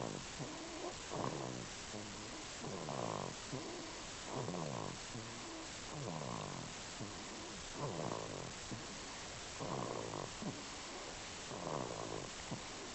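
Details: Baby aged 10 weeks asleep: soft rattly snoring noises with each breath, about 35 a minute, over steady low room noise; infant snoring.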